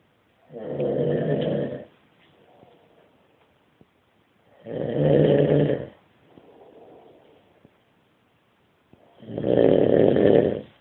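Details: Man snoring during sleep: three loud, rattling snores on the in-breaths with soft airy out-breaths between, about every four to five seconds; steady snoring.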